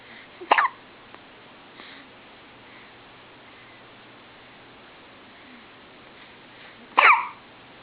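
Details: Two short, sharp hiccup sounds about six seconds apart, with quiet background hiss; hiccups.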